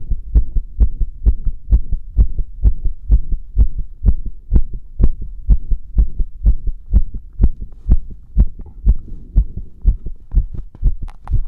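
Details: Loud, steady, regular low heart thumps with a dull hum underneath, recorded with pressure against the chest (compression heart sounds); a normal heartbeat.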